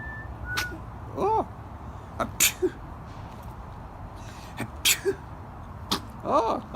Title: Funny Baby Sneezing Just Compilation || Family Babies